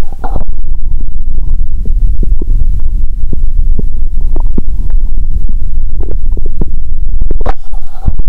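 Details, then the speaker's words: Steady low rumble with frequent short gurgles and pops through a stethoscope on the abdomen of a person fasting over 15 hours, in a role-play exam: active hunger bowel sounds, normal. "(Doctor👨‍⚕️) "This is a hungry illness!"."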